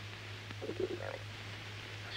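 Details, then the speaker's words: Acted film scene, 1951: brief, wavering gurgle of stomach rumbling over a steady low hum, a man remarking on his noisy stomach; stomach rumbling (borborygmi). "Sho than just listen to the stomach of mine way it sounds you'd think I had a hyena inside me"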